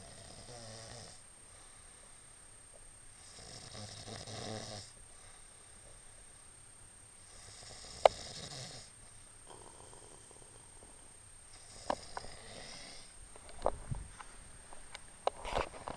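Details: Man snoring: loud, rough snoring on slow breaths in a quiet room, with a few sharp clicks near the end.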